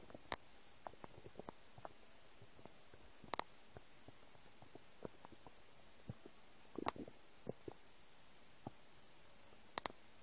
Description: English: New noises of my empty stomach. I hope you like it :3 Have fun and enjoy :D